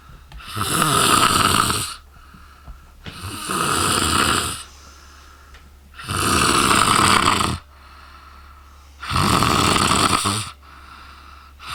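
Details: Exhausted woman sleeping very loudly: rough snores of one to two seconds each, about every three seconds with quiet gaps; steady snoring during sleep.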